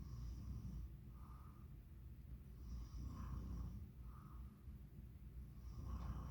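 Low, rough rumbling breaths repeat through the clip over steady background hum, a snoring pattern.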